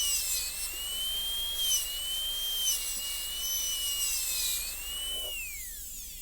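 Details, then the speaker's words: High-speed dental handpiece whining steadily, wavering under load, then winding down. Class demonstration of a gold onlay prep on a Kilgore MOD class II practice tooth, recutting the isthmus wall with the bur leaning facially to connect the box corners. "And I'm going to recut this whole wall. We're connecting the corners of the boxes together with the whole wall leaning facially."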